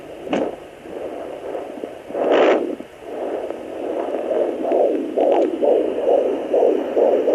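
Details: At 22 weeks of pregnancy, a Sonoline B pocket fetal Doppler on the lower belly picks up rapid, regular whooshing fetal heartbeat pulses, about 130–140 a minute, after probe scraping.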